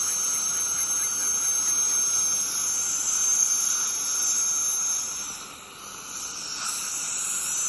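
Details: Steady high-pitched whine with hiss of water spray, briefly easing before resuming, from an ultrasonic scaler during deep dental scaling; dental scaler in use.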